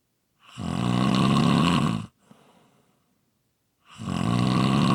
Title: Snoring Sounds ZZzzz